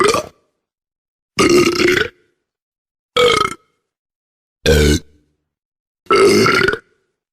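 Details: Five loud, drawn-out voiced belches separated by silence: repeated burping.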